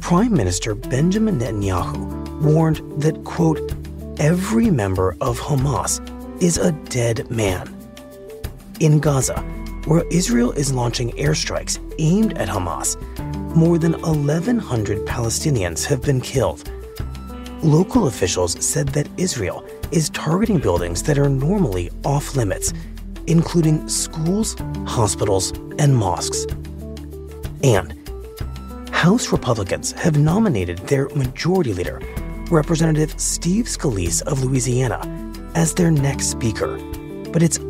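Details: Adult male newsreader over background music; ordinary fluent speech.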